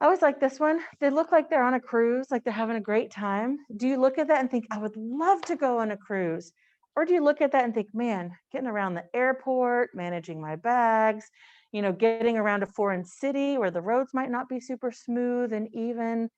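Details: Adult woman speaking; Normal speech.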